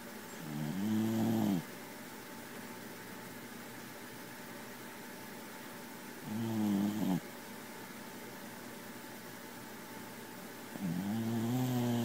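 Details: Slow, soft, buzzing snores, about 11 a minute, from a sleeping cat over a steady background hum; harmless snoring in sleep.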